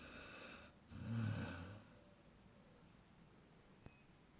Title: Snoring basset Douglas 8 months